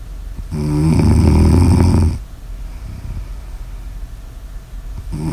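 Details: Snoring in an ASMR sleep recording: a long, loud, fluttering snore on breathing in, followed by a quiet exhale and the start of the next snore.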